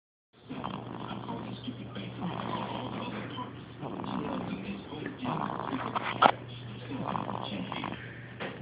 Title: Snoring baby